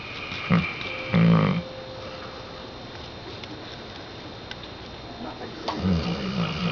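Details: Saint Bernard dog snoring while asleep: two or three low, rattling snore bursts with faint room noise between.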